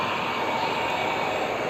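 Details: Philips Respironics Trilogy ventilator (model given as 100 or 202) running in a hospital setting, with steady blower airflow sound.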